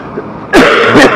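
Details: Cough in a person who says it has lasted a while and has been bothering them; recorded outdoors on a street.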